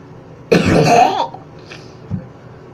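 One loud, rough cough-like burst with a throaty, burp-like quality, then a faint low grunt: a deliberate cough-burp.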